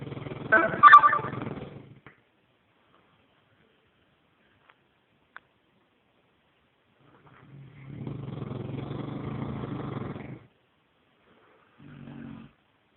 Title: Dog snoring Neapolitan Mastiff